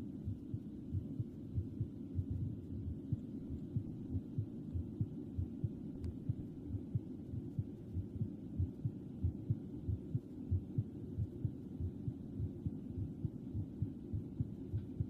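Soft, steady low thumping heartbeat, around 90 to 95 a minute, under a muffled hiss.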